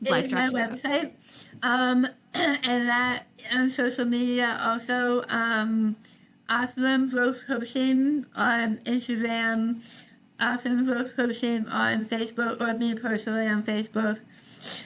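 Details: Adult woman treated for stage 4 tongue cancer: over half her tongue removed and rebuilt with a forearm graft, plus neck dissection and six weeks of radiation and chemotherapy; articulation disorder after partial glossectomy, some people cannot understand her.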